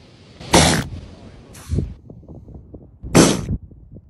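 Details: Sea lion sneezing: explosive wet snorting bursts, three in about four seconds, with chattering between.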